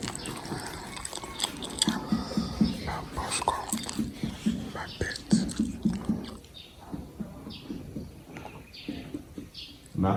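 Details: During a head-to-toe physical assessment demonstration for a health assessment lab exam, finger percussion over the abdomen gives clusters of quick, hollow, drum-like taps with faint room noise: a tympanic percussion note.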